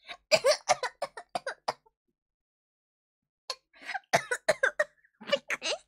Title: 【ENG SUB】kawaii cough Hololive